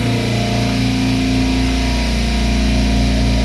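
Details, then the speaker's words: An air compressor running in a dental office mechanical room, measured at about 70–73 dB: a steady loud low mechanical drone with a rapid pulsing rumble. "we're picking up the air conditioning again at 40. so let's turn on the air compressor"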